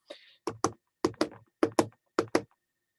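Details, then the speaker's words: Nursing lecturer vocally imitates normal heart sounds heard on auscultation: four evenly spaced lub-dub pairs in a nice, even rhythm. "and we're gonna listen to heart sounds and a normal heart sound sounds like lub-dub dub dub dub okay"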